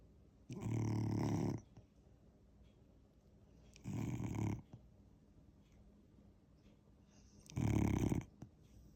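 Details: Loud snoring from a dog lying on a couch: three deep, rattling snores about every three and a half seconds, with quiet breathing between.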